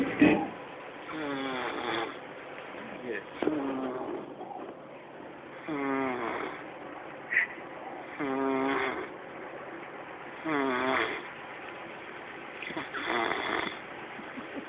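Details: Repeated rattling, fluttering snores with each breath, about 8 a minute, over steady background hum.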